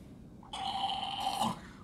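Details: Imitated snoring in a Korean sleep-health demonstration on snoring and sleep apnea, with a discussion of how the soft palate and throat tissues collapse during sleep; simulated, not real, snoring.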